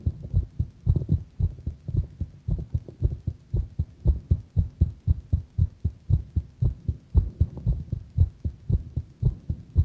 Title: my heart sound a bit faster